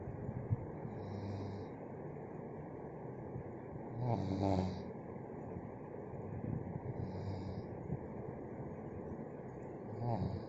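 Soft snorting breaths every few seconds against a steady background hiss; light snoring.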